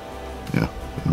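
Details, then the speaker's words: Animal snoring at camp: brief low snorting grunts over a steady engine hum, another starting at the end. "I don't know if you can hear Roscoe, but he's snoring."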